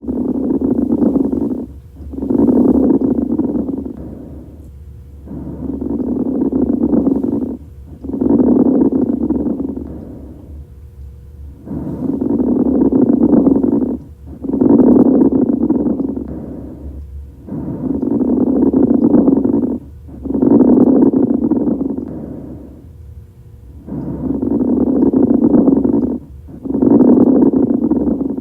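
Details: Rough, bubbling crackles heard through each breath in and out; coarse crackles (rales), lung sounds.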